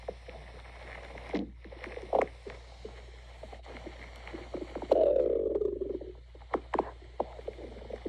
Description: A requested video of my stomach growling